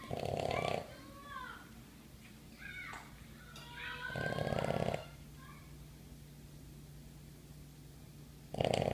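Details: Boston terrier snoring while sleeping: loud rattling snores about every four seconds, with faint whistling breath noises between them over low room hum.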